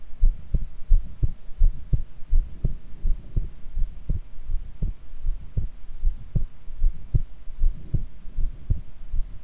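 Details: Normal heart sounds self-recorded lying in the prone position.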